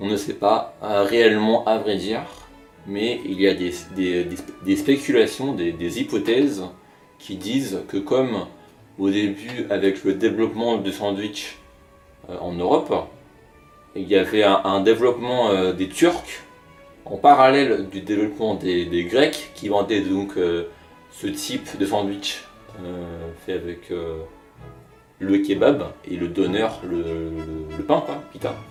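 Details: Adult male speaker (French); stuttering.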